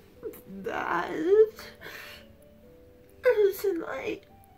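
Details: Strained, moaning gasps in two bursts with whimpering voiced sounds, labored breathing during a severe dystonia attack in an adult woman who randomly can't breathe, about the 10th of several attacks within 30 minutes at night; non-epileptic seizures questioned.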